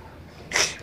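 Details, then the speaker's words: Adult with a cold or flu: a single sharp, hissing sneeze burst after quiet room noise. "sorry we have a cold air blue both of us so we're just uh sneezing all over"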